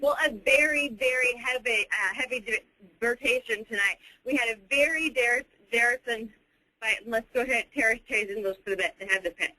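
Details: Expressive aphasia of sudden onset in a female TV news reporter speaking live, from a small stroke or possibly a complex migraine; she was aware her words made no sense.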